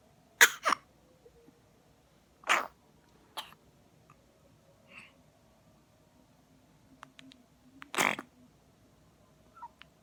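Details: A child coughing on purpose: a few short, sharp, deliberate cough bursts separated by quiet; voluntary coughing, not from illness.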